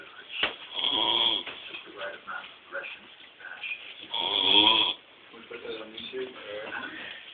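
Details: Loud rasping snores, roughly two long ones with softer snorting breaths between, in a small quiet room; snoring.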